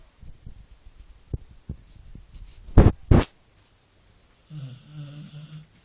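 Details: Dog (bully breed) snoring at 2 am, keeping owner awake: quiet rustling and clicks, two loud snorting breaths, then a low, rattling, buzzy breath; snoring.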